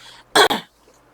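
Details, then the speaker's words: Middle-aged woman with persistent dry cough causing pain, improving since yesterday: a single short, dry double-burst cough, close to a throat clear, no rattle or wet sound, in a quiet room. "계속 마른 기침 나니까 또 여기가 아프잖아요."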